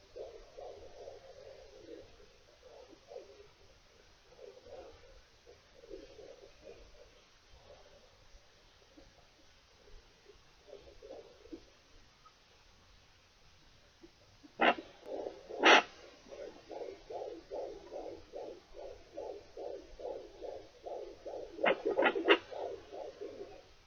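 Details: Rapid, regular whooshing pulses on a handheld home fetal Doppler with gel during pregnancy, fetal heartbeat about 135 beats a minute.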